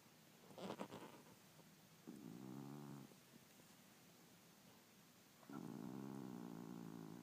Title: snoring